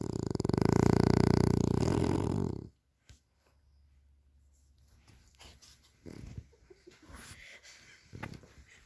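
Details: Frenasia snoring loudly during sleep: loud, rapid fluttering snore for about three seconds, then quiet room sounds with faint movement.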